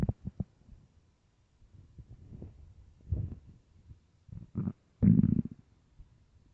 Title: starving stomach growling and rumbling part 2